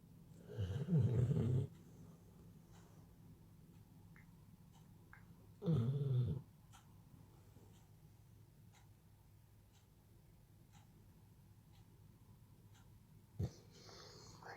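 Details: Snoring from a resting dog: two loud, low rattling snores about five seconds apart, with quiet breathing between.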